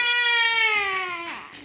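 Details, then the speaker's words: Infant crying during cough-and-cold massage: a single sustained wail with a clear, high, steadily falling pitch that fades at the end. "Kok nangis malah sakit"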